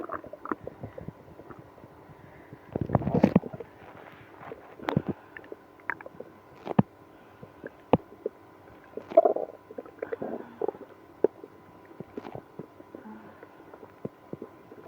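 Scattered gurgles, squeaks and a longer rumbling growl from the belly; active bowel sounds.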